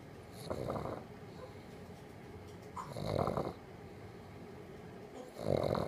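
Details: Sleeping dog snoring softly, with rattling snores on each breath at about 24 per minute, while someone talks in the background; ordinary snoring.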